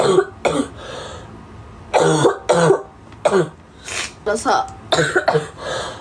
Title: Japanese Girl Coughing